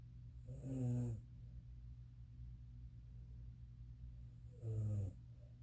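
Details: Mother snoring: two loud, low, rattling snores about four seconds apart with quiet breathing between; ordinary snoring.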